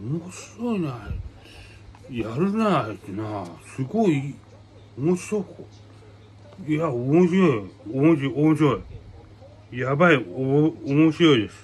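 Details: Adult man with aphasia and hemiplegia following a brain hemorrhage, with paralysis; real patient speaking spontaneously; aphasia.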